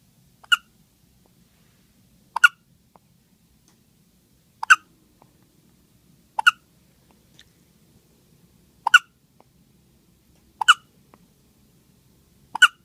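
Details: 2-day-old newborn with hiccups: seven sharp, brief hiccups at irregular intervals, roughly one every two seconds, in a quiet room.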